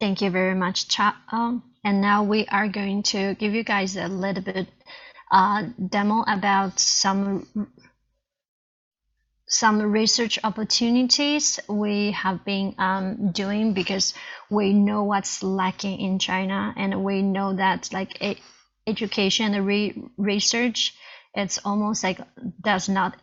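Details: Real stuttering in an adult Chinese woman, a first-year PhD student.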